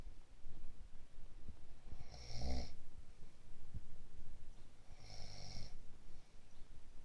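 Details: Two loud, rattling snores about three seconds apart, each on a breath in, over steady room noise, from a sleeper who has a cold: snoring.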